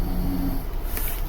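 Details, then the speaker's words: A sleeping pet dog snoring, picked up in the background of someone talking. "My my dog's snoring if you can hear him."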